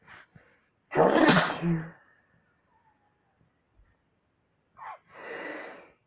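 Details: Man's induced sneezing fit: a short inhaled gasp, then a loud explosive sneeze, and a second quieter sneeze a few seconds later in a small quiet room.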